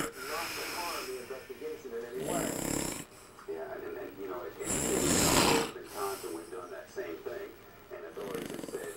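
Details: Snoring recorded in 2002: repeated rough, fluttering snores on each breath, with quieter rattly breathing between them; ordinary loud snoring.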